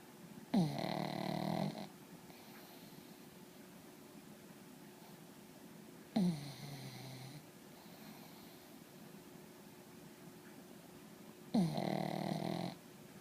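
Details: Pug snoring in sleep, loud enough to drown out the TV: three loud, rattling snores about five seconds apart (roughly 11 a minute) with quiet breathing between.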